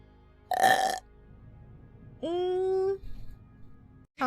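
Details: Two belches from a female Twitch streamer during a gaming stream: a short rough one, then a longer drawn-out voiced burp, with faint background music; burping.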